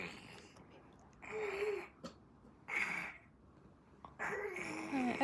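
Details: Father snoring loudly: three loud, rough breaths with a whistling edge, about a second each, with quiet pauses between: snoring.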